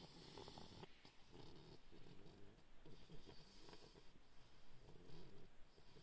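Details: Low, rattling, continuous snore with snuffling breaths over faint room noise from a sleeping bulldog puppy; snoring.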